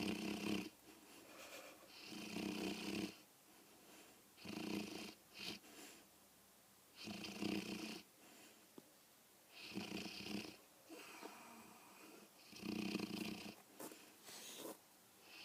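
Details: Rhythmic nightly snoring, about a dozen breath cycles a minute, each with a rough fluttering intake and a quieter out-breath.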